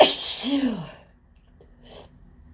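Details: Single loud, explosive sneeze with a rising voiced cry, then quiet breaths; late in an intense, uncontrollable sneezing fit on a windy day the sneezer links to pollen.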